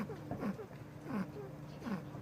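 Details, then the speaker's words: Guinea pig, an owner surrender, with a breathing problem that did not respond to antibiotics, so a heart problem is being considered: faint, soft, squeaky wheezing whistles repeating about every 0.7 seconds. "that wheezing sound can't hear it yeah it's very sad huh okay so he was on antibiotics because that's the first thing you will think of when they have this kind of breathing issue"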